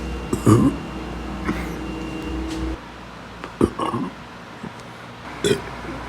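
Several loud, low belches, one long and drawn out, in a quiet room; ordinary burping.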